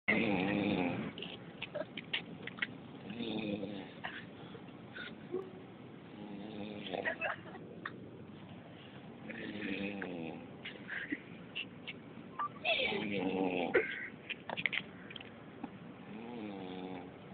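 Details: Snoring during sleep: irregular rattling, voiced snorts and snores in the sleep breathing, with short bursts in between.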